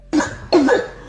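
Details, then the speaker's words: Child with two harsh, hoarse, barking coughs, like a dog's bark or a seal's cry, from swelling and inflammation at the vocal cords; barking cough of croup (laryngitis). "Лайфи кашель - это крик челеня или лай собаки. Вот такой."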